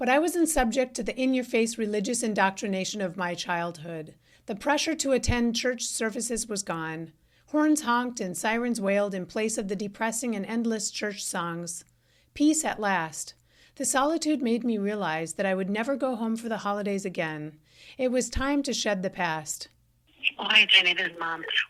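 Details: Adult woman; typical speech.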